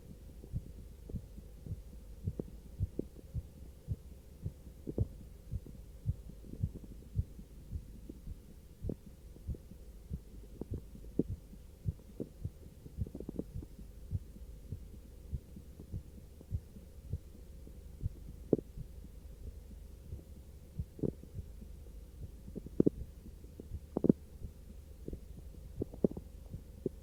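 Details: Repeated soft low thumps of a heartbeat after short arm exercise, with volume loss, steady hum and noise; normal heartbeat after exercise.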